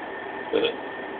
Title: Burping!!